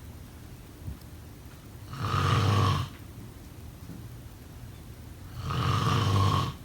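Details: Two deep, vibrating snores about three and a half seconds apart, with quiet exhalation between; snoring during sleep.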